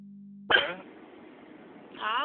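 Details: An adult woman riding as a passenger in a car, with hiccups lasting a couple of hours: a sudden sharp voiced gulp with an abrupt catch, then a short vocal sound, over a steady hum.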